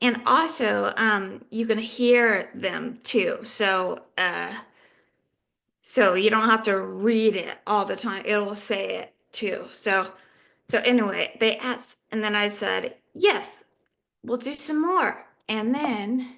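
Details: Adult woman living with aphasia; aphasia.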